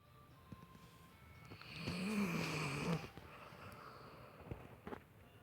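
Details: A single low, rattling snore on an in-breath in a quiet room, with faint clicks and background noise; a sleeping female snoring.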